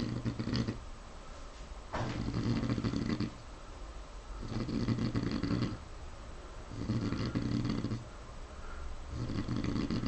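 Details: Pig snoring in sleep: rhythmic rumbling snores on each breath, about every two and a half seconds, roughly 24 a minute.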